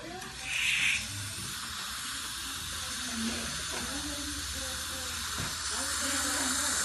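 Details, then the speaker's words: Steady hiss of an air-water syringe spraying, with suction, as it rinses etchant off premolar tooth #20 after 20–30 seconds of etching (about a 10-second rinse), during dental sealant placement. "after twenty to thirty seconds you're going to rinse off the tooth so we'll go ahead and rinse the tooth off"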